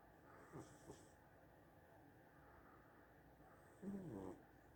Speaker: Sophie snoring. Yes, my cat snores.